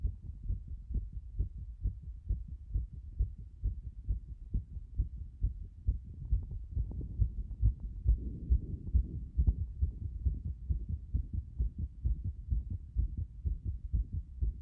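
Fast, regular low thumping heartbeat, around 135 beats a minute, consistent with a rapid heart rate.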